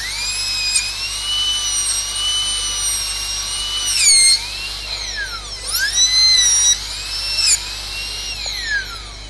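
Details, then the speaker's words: Dental drill whining at high pitch, dipping as the bur meets the tooth while cutting a secondary flare at the outer wall junction of the proximal box, during cavity preparation on a maxillary first molar. "Now how the secondary flare is given? To keep the burr here, okay, the outer wall, the junction between the outer wall and the prepared wall, and give another angle taper here like this."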